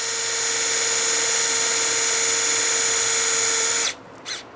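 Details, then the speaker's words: Steady high-pitched surgical power drill whine for about four seconds, then stops: a 4.2 drill bit through sleeve C and drill guide B, entering the first cortex for a 5.0 mm screw in an ankle arthrodesis intramedullary nail. "vamos a utilizar la camisa C con su guía de Broca B con una Broca de 40 4.2 Perdón vamos a hacer la perforación para la colocación del tornillo de 5.0 tomamos la primer cortical Ya estamos en la"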